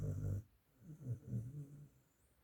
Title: Never seen dog snoring that too loud😂😂 #funnyanimal.